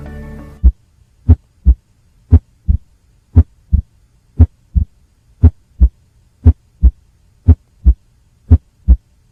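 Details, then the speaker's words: Third heart sound (S3 gallop rhythm), described as typical of decompensated heart failure though possibly normal in athletes or hyperkinetic states: low, regular paired heart sounds at about 58 cycles a minute in a quiet recording. "su presencia es lo que denominamos como ritmo de galope y es característico de la insuficiencia cardíaca descompensada"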